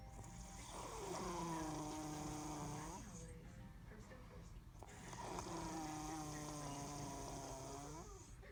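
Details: Mother snoring so loudly earplugs are needed: two long, loud, groaning voiced snores with rising and falling pitch, about four seconds apart.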